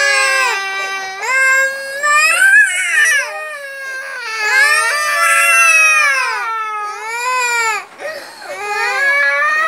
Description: baby cries when mom sings,